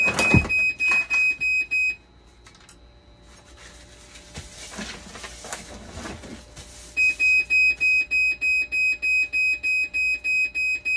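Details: Fast repeating high electronic alarm beeps, pausing for quieter room noise then resuming, from a dialysis machine under repair for a conductivity fault, 12-volt and BP cuff problems while boards are swapped; dialysis machine alarm.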